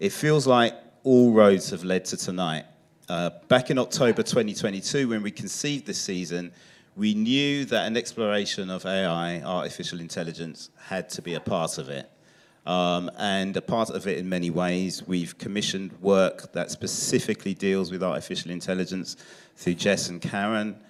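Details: Adult male speaker; normal speech.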